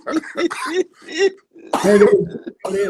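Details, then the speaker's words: Rapid run of harsh, voiced coughs and throat-clearing from an adult man in a small room: choking-type coughing after sweet tea went down the wrong way while drinking. "we can't check on you because you're coughing. So, we know you up, but it it sounds like it's close to your CPA time. >> No, I was drinking and I uh didn't swallow right."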